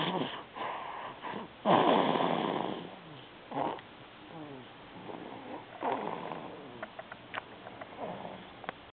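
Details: Sleeping child snoring: irregular, noisy, rattling snores and snorting breaths with a few clicks; snoring.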